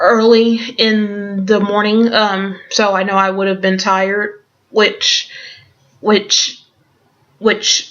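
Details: Stuttering with word repetitions in an adult woman who stutters and also has Tourette syndrome.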